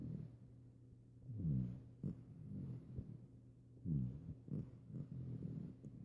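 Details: Puppy snoring during a nap, which she often does: soft, low, fluttering snores with some snuffles, two clear breaths in six seconds; ordinary snoring.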